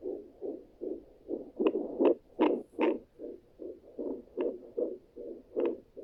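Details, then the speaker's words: Rapid, regular whooshing fetal heartbeat at about 150 beats a minute, heard on a home handheld fetal Doppler ultrasound (Sonoline B) as the parents try it out. "hey guys so this is us trying out the fetal heart monitor and that's the baby's heart"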